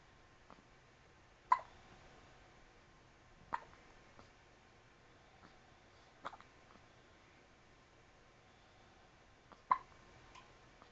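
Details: Newborn baby: about four short, sharp hiccups at uneven intervals in a quiet room; infant hiccups.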